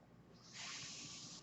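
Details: Steady airy hiss, about one second long, of the speaker's own mechanical ventilator pushing air through tubing during a breath, heard in a spoken podcast; the speaker identifies the noise as their ventilator.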